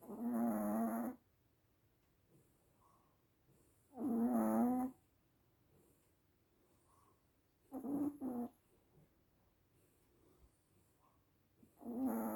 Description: Lucy Lu-such a loud snore for a tiny 4 lb Chihuahua!